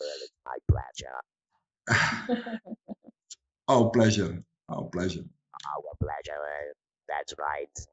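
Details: Electrolarynx speech in a woman after laryngectomy surgery, using the Inspiration electrolarynx device.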